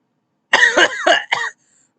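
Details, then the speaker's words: Person with a few days of suspected allergies (hopes allergies) describes a crunchy cough: three rough, crackly, crispy coughs in a quiet room, alongside episodes of projectile sneezing. "first it was a sword throw then it was a lot of crispy coughs and then it was me projectile sneezing on everything it it sucks"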